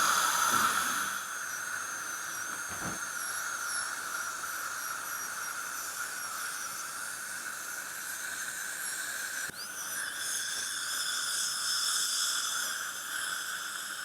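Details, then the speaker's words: Advanced dental fluorosis case under local anaesthesia, upper crown preparation removing all enamel with a subgingival finish line: steady high-pitched whine of a dental drill with hissing water spray in a small room. "Enamel మొత్తం remove చేయాలి అంటే sub జింజెల్ preparation చేయాలి sub జింజెల్ preparation ఏంటంటే finish line అనేది చిగురు కిందకి ఉండేటట్టు చూసుకోవాలి"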